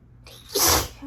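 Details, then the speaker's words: Allergy sneezing: one loud, hissing sneeze burst after a brief indrawn breath, followed by speech about needing to sneeze again; sneeze. "my God. I'm gonna sneeze. I'm gonna sneeze. I think I need to sneeze again."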